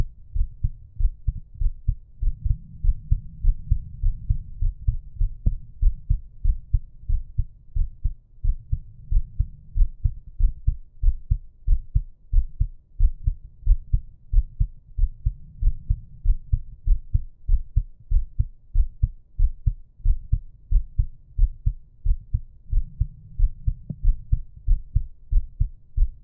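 Steady low heartbeat thumps, roughly 90 a minute, with soft breaths swelling underneath; a normal resting heartbeat.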